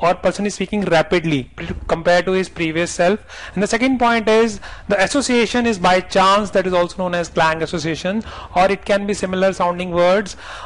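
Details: Adult male lecturer; normal speech.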